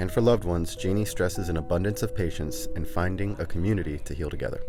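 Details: Adult male narrator; Normal speech.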